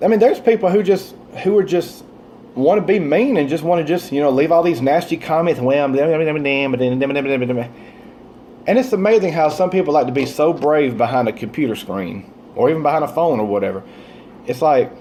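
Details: Stuttering in an adult man with a stuttering disorder for many years, now milder than before, still worse on the phone and when talking fast or excited.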